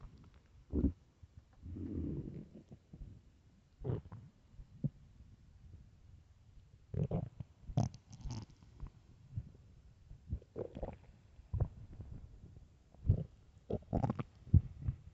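Intermittent low rumbles and gurgles with short squeaky bursts from an empty stomach: hunger growling.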